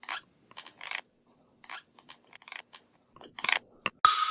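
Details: Irregular short, gritty scraping and crunching bursts of teeth grinding (bruxism).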